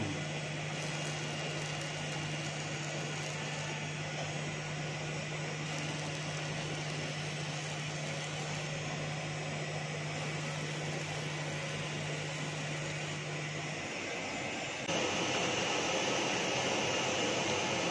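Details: Fractional CO2 laser facial rejuvenation treatment on an elderly man's face: steady mechanical whirring with low hum that cuts out, then a louder rushing noise; fractional CO2 laser in operation.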